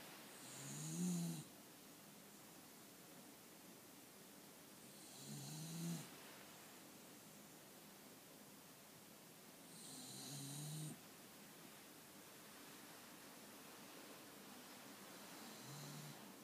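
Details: Snoring during sleep after a walk and a Santa visit: low rumbling snores on each breath in, about 13 per minute, with quiet pauses between.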